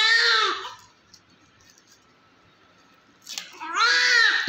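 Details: Healthy male newborn after vernix and blood clots were removed during cleaning: two loud, clear, strong cries separated by a pause for breath, healthy lungs, no murmur and no respiratory distress, a normal newborn cry.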